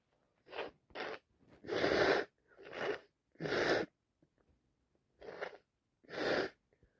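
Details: Someone with a bad head cold who can't stop sneezing: a run of about seven short, wet, spluttering sneezes with quick breaths between.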